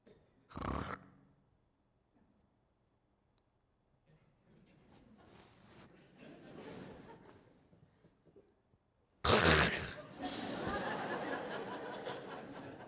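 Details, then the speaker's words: Imitated obstructive sleep apnea, demonstrated in a sleep lecture as a bed partner choking during sleep: snoring with a pause, then a loud gasping snort. "here's the third question my spouse bed partner chokes during sleep like maybe it's that person the image I just showed what's going on there that's sleep ATA"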